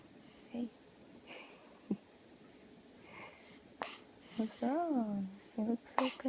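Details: Newborn girl, born 16 days earlier, with hiccups in the morning: brief, sharp, voiced catches at uneven intervals with a short whimper between; infant hiccups, not wheeze.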